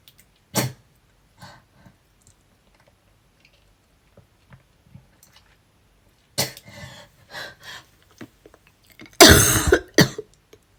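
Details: A person with asthma and a cold coughing nonstop while brushing teeth: repeated harsh coughs and throat clearing in bouts, ending in a forceful cough burst.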